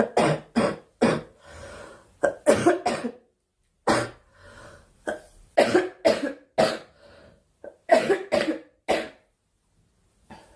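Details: A girl, who says she is sick and wants the coughing to stop, gives repeated harsh coughs in clusters of two to four, about fourteen in all, with brief pauses for breath; cough.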